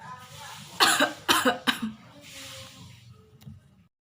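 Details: Acted demonstration of coughing without covering the mouth, COVID-19 etiquette: three loud open-mouthed coughs in quick succession, then breath out; cough.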